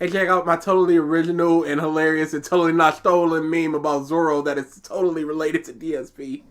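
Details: Adult male speaker; normal speech.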